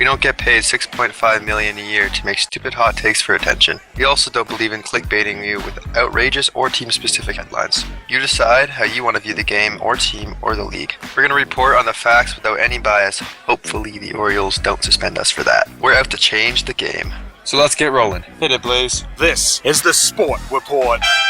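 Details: Adult male speaker; normal voice.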